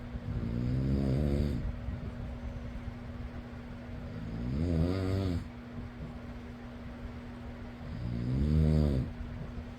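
Three low, fluttering snores, about 16 a minute, over a steady fan hum; ordinary snoring.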